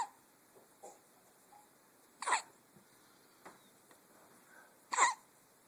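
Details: Baby girl who has a pacifier: two sharp, brief voiced catches about three seconds apart with fainter clicks between, in a quiet room; infant hiccups.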